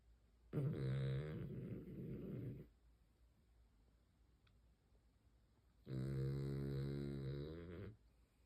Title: My dog is snoring SO loud! #shorts #fyp #cutedog #beagle #dogvideo #snoringdog #funnydog